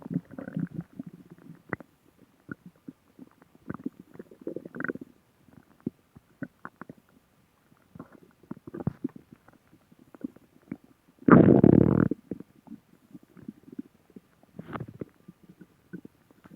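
Irregular gurgling and rumbling with one louder sustained growl, typical of ordinary stomach growling from gas and fluid moving through the gut.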